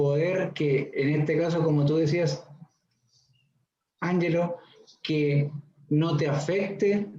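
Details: Man aged 41 who stutters; stuttering.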